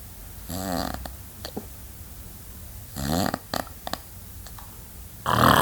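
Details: Male snoring during sleep with loud vibrating inhalations and snorting clicks, repeating irregularly, louder later; uploader wonders whether he nearly stops breathing around 1:20.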